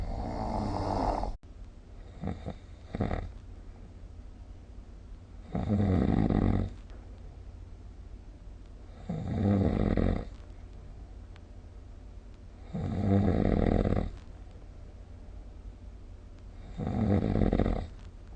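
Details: Loud rattling snores on each breath in, about every four seconds, roughly 14 a minute, with quiet breathing between, recorded with the SnoreLab app; ordinary snoring.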